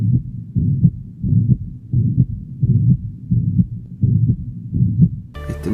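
Regular heartbeat near 87 a minute with a steady blowing murmur through systole: holosystolic murmur of mitral regurgitation. Music starts at the end.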